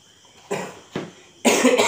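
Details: A person with a cough who is taking cough syrup: three harsh, noisy cough bursts, the last longer and louder, in a quiet small room. An ordinary adult cough.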